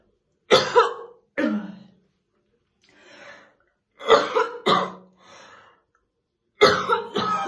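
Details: Real, unacted morning coughing fit of a female smoker brushing her hair: repeated harsh, heavy coughs in pairs, about six in all, with rough throaty ends; smoker's cough.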